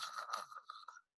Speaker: so open mouth snoring i ask many of my patients to make a snoring sound they make an open-mouth snoring sound